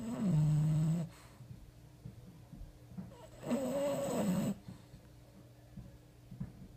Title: Gretel the cat investigates snoring Morrissey the bulldog